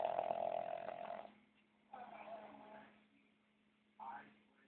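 Three rough, buzzing breath sounds, the first loudest, with a steady low hum in the room; snoring.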